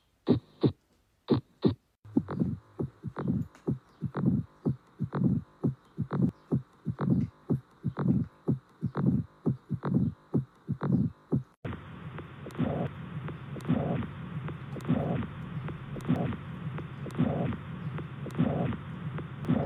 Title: easily hearing heart sound....❤️